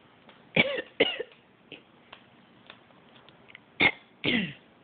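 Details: African Grey parrot imitating a human cough and throat clearing on its owner's prompting: four short, sharp cough-like bursts and throat-clearing noises.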